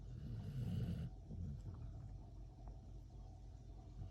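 Low, rumbling rattle of a sleeping dog's breathing, loudest in the first second, with a quieter steady rumble after: snoring.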